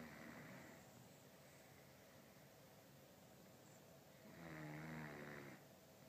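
Low rough rattling on the in-breath, repeating with each breath, over steady room noise: snoring.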